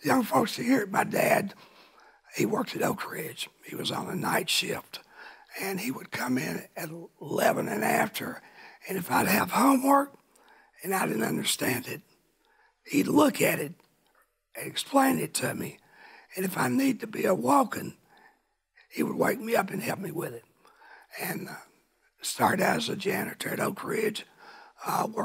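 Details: Rough, breathy dysphonia in an adult man now cancer-free after cancer he kept secret for years and first thought was a thyroid problem.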